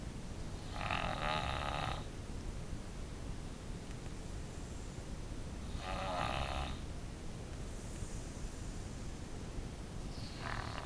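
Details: Child who has snored since birth, snoring during sleep: rasping snores about five seconds apart over a steady background hiss.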